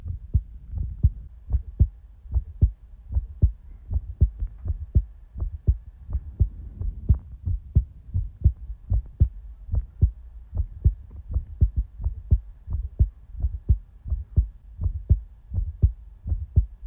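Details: Real-time heartbeat recording: steady, regular low lub-dub pairs at about 75 beats a minute with no extra sounds; a normal heartbeat.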